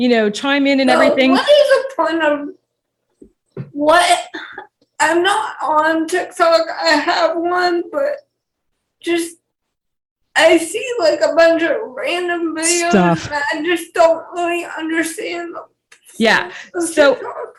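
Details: 28-year-old woman with cerebral palsy who has dysarthria.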